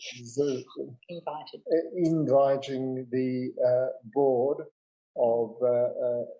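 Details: 65-year-old man, a real stroke survivor, with non-fluent aphasia after a big stroke 10 years earlier; he also cannot write or spell; non-fluent aphasia.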